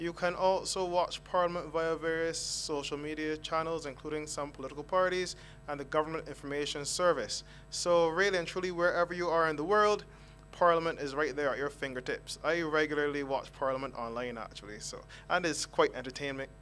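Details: Adult man speaking; normal speech.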